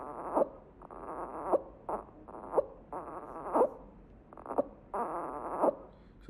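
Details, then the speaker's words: Infant grunting during sleep: short, low, croaky voiced sounds with each breath out, noisy breathing that keeps air in the lungs and can resemble respiratory distress or stridor. "grunting is a noisy breathing sound your baby May grunt to keep air in the lungs"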